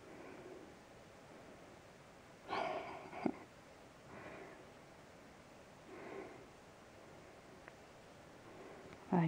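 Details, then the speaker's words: Squirrel eating oats in a horse barn, about 3 feet away: a short, sharp nasal burst and softer puffs of air; sneeze-like snort, unclear whether sneeze or cough. "oh was that a sneeze or a cough bye-bye"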